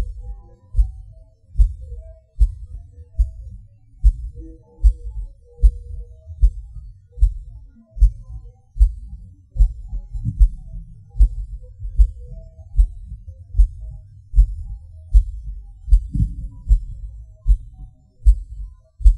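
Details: Self-recorded heartbeat of a person with PVC/PAC premature beats, felt as a falling sensation: about 76 a minute, mostly steady, with occasional early beats, pauses and skipped beats.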